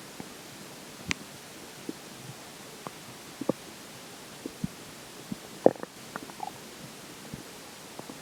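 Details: Scattered soft gurgles and squelches over quiet hiss, irregular, about 28 per minute, after drinking water; described as weird sounds; ordinary stomach growling (borborygmi).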